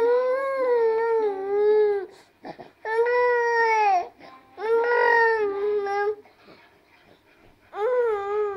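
An infant crying in long, clear, tuneful wails separated by short pauses and catches of breath, a typical vigorous baby cry.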